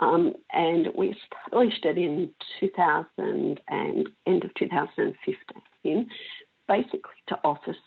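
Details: Adult female with spasmodic dysphonia of mixed adductor and abductor type for 16 years, treated with Botox injections into the larynx that stop some of the spasms; she says her voice may go in and out a little.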